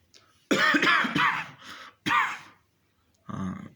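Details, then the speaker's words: A man giving COVID-19 hygiene advice to cough into a fresh handkerchief, after sneezing: a few short, harsh cough bursts with brief throat clearing in a quiet room. "खांसी आए तब भी एक नया रुमाल ले लेना है, नए रुमाल में करना है, उसमें वो भी फेंक हमने धोने में डाल देना है।"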